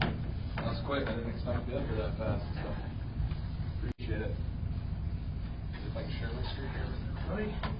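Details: Adult male speaker; Normal voice.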